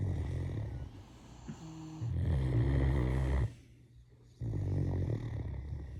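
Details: Sleeping female Great Dane snoring, heard for the first time: deep, rumbling low snores with a brief quiet pause between breaths.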